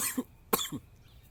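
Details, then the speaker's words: Adult man with a cold: a single short, sharp cough with brief throat sounds on either side, in a quiet room. "Esse vídeo, nossa, nesse vídeo eu tossi tanto que é capaz de vocês pegarem resfriado só de ver."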